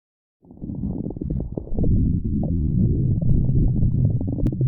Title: Stomach Growling V1